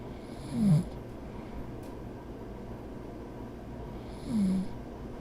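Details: Animated cartoon creatures ("Snats") snoring, simulated sound: two low, rumbling snores about three and a half seconds apart over a steady background hum.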